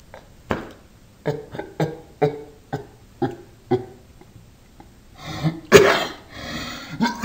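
A run of about eight short, throaty bursts, then a louder harsh burst with breathy noise; repeated dry coughing.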